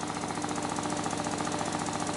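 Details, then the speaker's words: A 3100A high-frequency oscillatory ventilator running on a newborn in a newborn center: rapid, steady mechanical buzzing and thrumming as the infant's lungs gently vibrate. "when it is time for a patient assessment to check breath sounds heart tones and perhaps vowel sounds try to cluster care so that"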